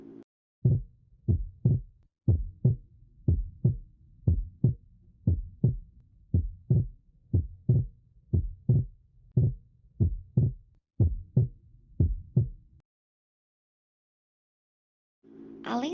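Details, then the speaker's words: Normal cardiac auscultation: regular lub-dub at about 60 beats a minute, clear S1 from atrioventricular valve closure in ventricular contraction and S2 from semilunar valve closure in ventricular relaxation. "O som tá representa a segunda bolha cardíaca que é relativa ao fechamento das válvulas similares O que representa o relaxamento dos ventrículos"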